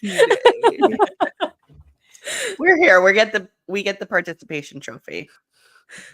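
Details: Adult or older child speaker, higher-pitched voice; normal speech.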